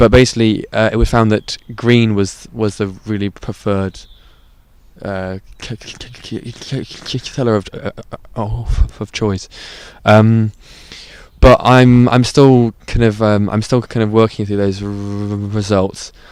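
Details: Adult who stutters, currently stuttering deliberately "out of control" without fluency techniques for about a month; says he began struggling more to use techniques about five months ago, partly after starting ADHD medication; stuttering.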